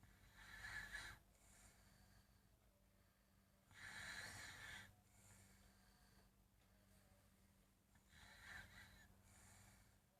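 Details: Three loud, rough snoring breaths about 4 seconds apart, roughly 15 a minute, with quiet breathing and a steady hum between them; snoring.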